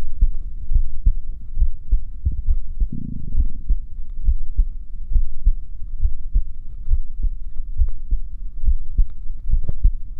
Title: my heartbeat sound